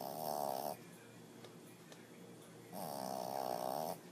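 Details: Snoring described as big time: two long buzzing snores on inhalation about four seconds apart, quiet breathing between.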